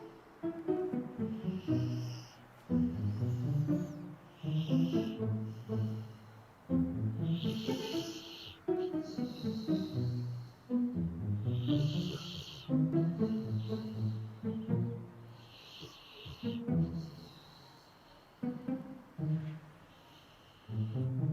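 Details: Labrador dog snoring while asleep and dreaming: rhythmic snorting snores, about thirty a minute, with music playing over them.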